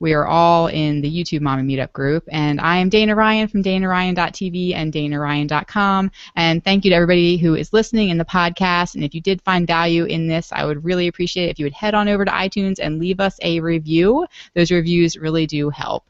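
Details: Adult female speaker; Normal speech.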